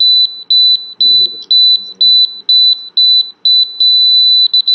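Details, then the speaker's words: Rapid high-pitched beeping, about two a second, from an apex locator during a clinical root canal procedure on a patient, as the file enters the green apical zone; instrumentation stops there; apex locator signal. "you can see the Apex locator visually entering the green zone and also the sound once it enters the green zone I'm going to stop"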